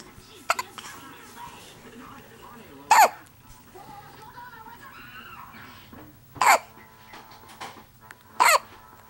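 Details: Little boy with hiccups in the morning, recorded May 2010, hard to get rid of; three sharp, abrupt catches of breath a few seconds apart in a quiet room with a faint voice.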